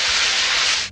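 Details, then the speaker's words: Tinnitus simulation, a sound heard with no external source, of the kind patients compare to a badly tuned radio: steady hissing static. "o paciente escuta sem ter uma fonte externa que gere esse som e geralmente é um som que ele pode ser constante ou ele pode ser intermitente também e tem vários tipos de zumbido"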